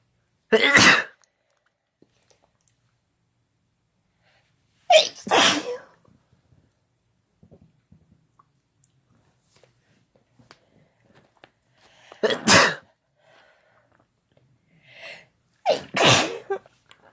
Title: Couple Sneezing Using Chhinkni